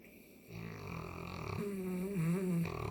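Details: A long, droning, slightly tonal snore on the in-breath from a sleeping St. Bernard whose allergies are acting up; snoring.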